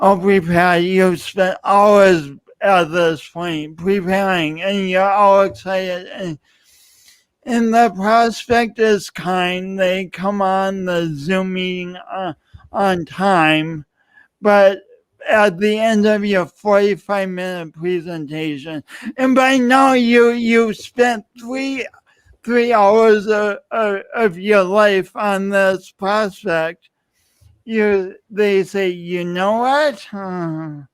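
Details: Adult man with dysarthric speech, a pronounced lifelong speech impediment attributed to loss of oxygen and breath at birth; he also has an unusual walk.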